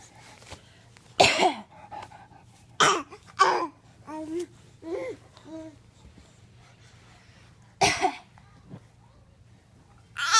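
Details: A child's deliberate pretend cough: several short, forced coughs with brief voiced sounds between them; a voluntary, fake cough.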